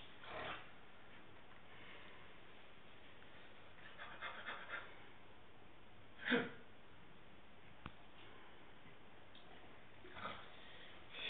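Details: Pet snoring: a few soft, breathy snorts at uneven intervals over quiet room noise.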